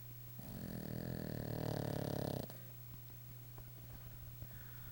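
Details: A dog snoring during a nap: a single long, rattling, vibrating snore-like breath, then quiet breathing with a steady low hum in the room.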